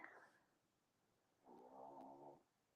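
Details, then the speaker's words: A pet dog (female) snoring loudly, ramping up to full bore, heard in the background of an evening live stream: snoring. "unless of course it's the snoring from the dog but I don't think that sounds like a crackle sorry she's she's now ramping up the snoring to full bore"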